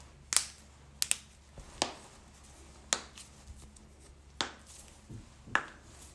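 Sharp isolated pops and cracks, about six in a few seconds, in a quiet room; joint cavitation during back adjustment.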